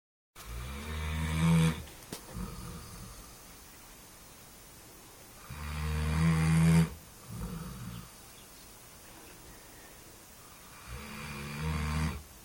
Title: SZIMBA HORKOL-SNORE SZIMBA